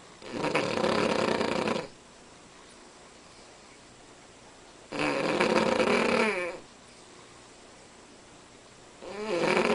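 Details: A sleeping Cavalier King Charles Spaniel snoring far louder than a normal dog gives harsh snores every four to five seconds, quiet between; heavy snoring.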